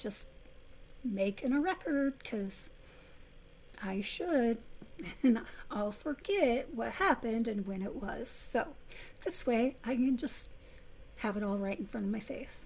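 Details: Vocal tremor from essential tremor in an adult woman, about 3–4 years' voice involvement, before focused ultrasound treatment; previously near-whisper, improved somewhat after stopping a medication causing voice loss.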